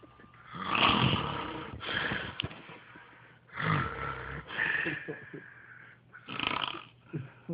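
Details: Loudest snoring: loud, harsh, fluttering snores with snorting, about three in seven seconds, in an irregular rhythm; snoring.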